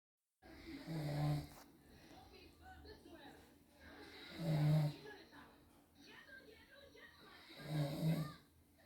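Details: Sleeping father recorded snoring: loud, low, rattling snores on each breath in, three in about nine seconds, with quieter breathing between; ordinary adult snoring.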